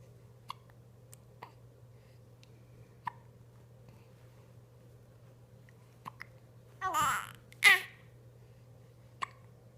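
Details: Hiccups: sharp, brief hiccup clicks at uneven intervals, about eight in ten seconds, with a short burst of babbling.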